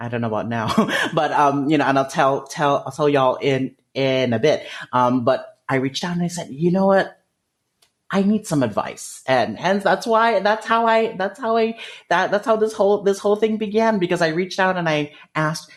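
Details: 30-year-old male speech-language pathologist who has stuttered since about age 5, with jaw locking and blocks; he believes the cause is developmental and genetic; stuttering.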